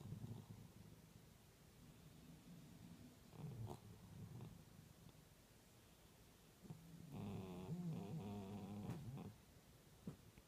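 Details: Orange cat snoring while sleeping on a cold evening.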